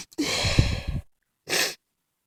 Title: Cold Sneezes plus Noseblow